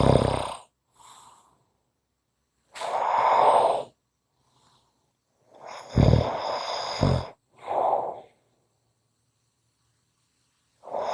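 Loud, rough snores repeat in bursts with quiet pauses between breaths, about five in eleven seconds; a snoring sleeper.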